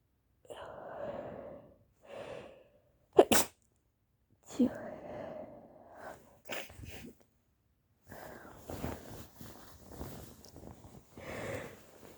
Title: Stuffy cold sneezes